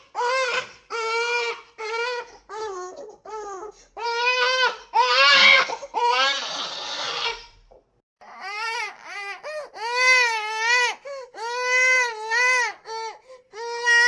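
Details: Rhythmic, high-pitched newborn cries in repeated wailing bursts with brief pauses for breath; a newborn crying sound-effect recording.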